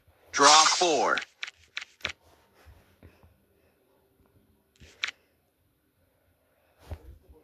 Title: Ignore my sneezes